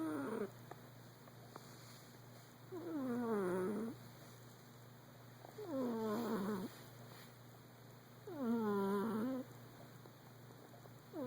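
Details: Regular squeaky, whistling snores about every three seconds from a sleeping, dreaming male Persian cat, over steady room hum.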